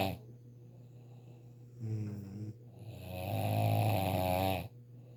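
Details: Deliberately performed relaxing snore through the nose with the mouth closed: two low, rumbling snoring breaths, the second longer and louder, over a steady low hum. Closed-mouth snoring.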